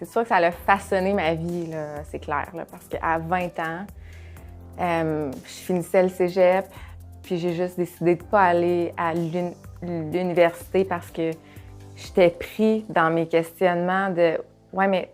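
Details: Adult who stutters, working as a speech-language pathologist; stuttering.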